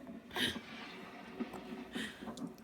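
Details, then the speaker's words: A mother and her 3-month-old baby both have hiccups; two brief, sharp breathy catches come about 1.6 seconds apart in a quiet room. "we've both got the hiccups they're annoying aren't they dear"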